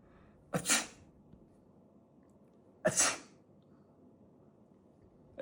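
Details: Two sharp, explosive sneezes a couple of seconds apart in a quiet room, acted as part of a comedy skit; sneezing.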